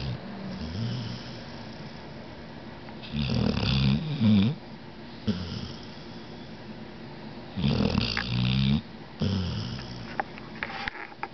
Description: This is only HALF of the snoring symphony that I usually get to hear! :)